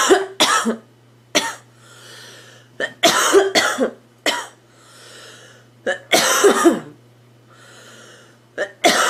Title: Girl Coughing 377